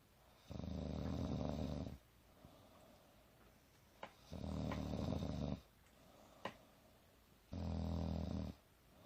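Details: Loud rhythmic rattling snoring from a sleeping girl, a snore on each breath in, about three in nine seconds, with quiet breathing out between them.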